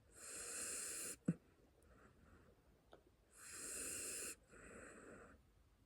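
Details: Sleeping puppy snoring: two slow breathing cycles, each with a loud, raspy, hissing inward breath and a softer breath out.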